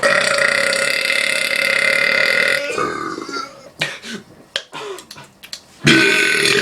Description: random video of me burping like a bitch